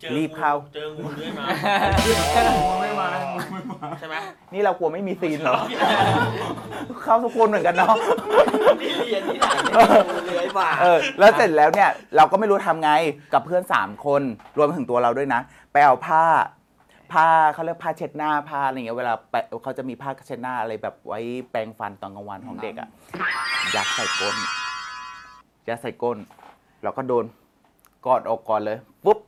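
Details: Thai speaker from a group of people who stutter, telling a story during a game; stuttering.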